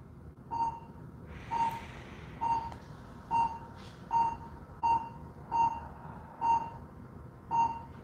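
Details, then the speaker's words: Pulse oximeter tones from a physician's own finger, about 67 beats a minute, speeding up and slowing down: normal heart rate variability with breathing. "Does everyone hear how it speeds up and it slows down? You can actually see, you can see on there the waves of my actual, the pulse in my finger, and you can hear."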